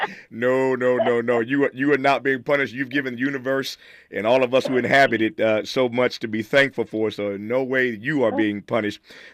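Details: Adult man speaking; normal speech.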